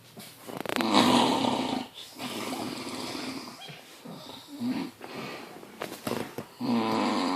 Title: BIG SNORE FROM THE SHORE